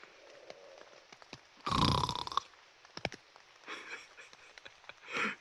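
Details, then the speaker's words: Exhausted man sleeping in a tent while stealth camping in a storm: a loud, rough rattling snore, then softer breathy snoring against quiet rain and tent noise. "He is snoring away already, giving our position away. But he's definitely deserved it."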